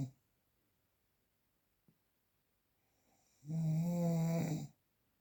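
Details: Real, unprocessed recording of an adult snoring: a quiet pause, then one loud, low, rattling snore on a breath lasting about a second.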